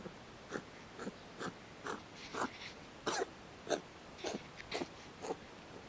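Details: A cat sneezes in a rapid string of about ten short, sharp nasal bursts.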